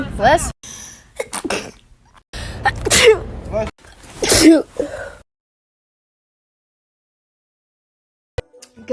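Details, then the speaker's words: Compilation of several different people sneezing, each with a sharp, forceful burst, joined by quick cuts and then silence. "I'm gonna try to sneeze with my eyes open. Okay, that was weird, and I kind of want to do it again."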